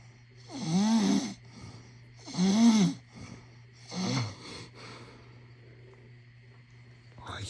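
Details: Three loud rattling, snorting snores, each fading in strength, against faint room noise, recorded as a prank; snoring.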